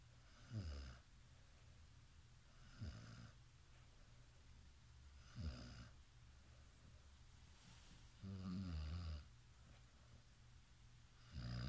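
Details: Person sleeping; low rattling snores at irregular intervals, about 20 a minute, in a quiet room; snoring.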